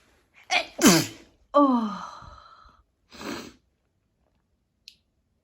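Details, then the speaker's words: A quick in-breath, a loud explosive sneeze, a drawn-out voiced exhale, then a softer second sneeze in a quiet room; sneezing the person attributes to a pine-scented Christmas candle. "this candle always always always makes me season it's a Christmas candle and it has notes of fair like is it fair no it's not fair although it could be fair um considering how much it's making me sneeze"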